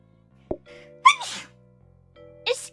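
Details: Sneeze during a Stardew Valley game stream by a VTuber: a small, high-pitched sneeze with a quick catch before it, then a brief voiced sound over soft background music.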